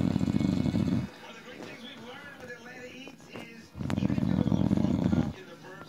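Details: Husband's loud snoring while drunk and passed out asleep: two loud, deep, rattling snores with a quieter breathing pause between them.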